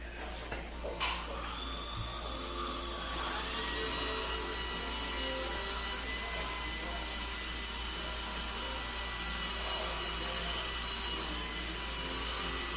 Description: And behind the treatment-room doors, the quiet hum of dental equipment fills the air.